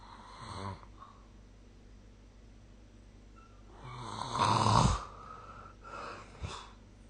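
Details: Snoring during sleep, recorded with the SnoreLab app: irregular, rough snorting snores with a louder rattling snore midway, recorded quietly in a room.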